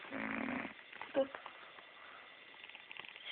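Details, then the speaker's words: Woman snoring very loudly in sleep, lying motionless, with the sound coming through her nose: one loud, buzzing snore at the start, then quiet room noise. "Most people when they snore, they're like, she's not even moving. It's like coming out of her nose."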